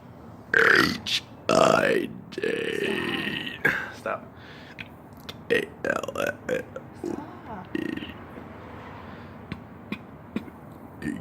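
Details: Deliberately burping the ABCs after eating garlic macaroni and cheese: several long, loud voiced belches shaped into sounds, then shorter, quieter burps and clicks.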